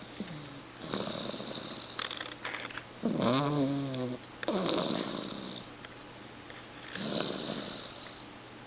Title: snores 3.31.09